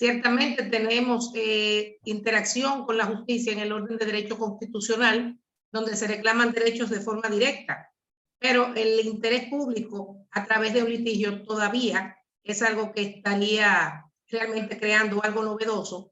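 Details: Adult woman speaking Spanish; normal speech.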